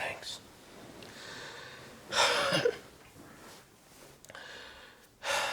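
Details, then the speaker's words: Acted obstructive sleep apnea episode in an adult man who snores, with poor sleep, fatigue and microarousals: soft breathing, then a loud snorting gasp and another sharp inhalation. "These episodes um caused me to wake up a lot throughout the night. They're called microarousals, so I I never get a good night's sleep. My wife says that it sounds like I actually stop breathing in my sleep."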